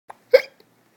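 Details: Single abrupt, voiced hiccup from a father, a sudden catch of breath closed off sharply, while a child laughs at the hiccups.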